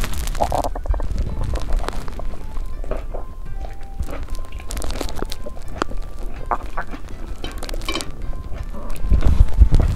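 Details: Stomach growling picked up by a hand-held microphone on January 2, while eating New Year foods after mochi and ramen: bowel sounds (borborygmi).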